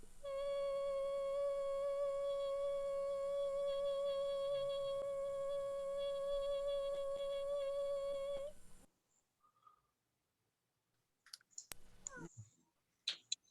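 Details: Normal sustained phonation during slow-motion videostroboscopy showing normal vocal fold opening, closing, lengthening, shortening and vibration.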